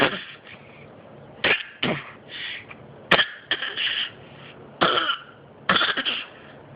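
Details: Child coughing: about seven sharp, harsh cough bursts, some in quick pairs, separated by quiet pauses.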